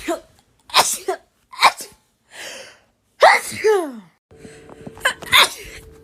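Several strong sneezes in quick succession, each sharp and explosive with a sudden breath in before it. Rapid repeated sneezing.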